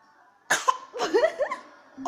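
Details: A baby imitating an adult's cough to amuse her mother: a few short voiced cough-like bursts with playful vocal sounds; a pretend cough, not an illness cough.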